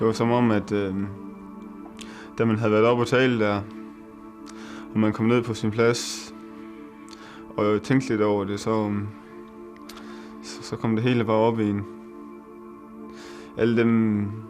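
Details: Young Danish man starting the McGuire stuttering treatment course, introducing himself at first interview; audible word repetitions; stuttering.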